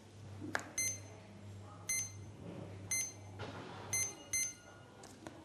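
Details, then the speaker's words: CADD Legacy PCA morphine pump: short electronic beeps, mostly in quick pairs, over a low hum as the on/off key is pressed to power the pump down before a cassette change. "pour cela appuyez sur la touche active et inactive et vous entendrez une série de trois types la pompe est inactivé"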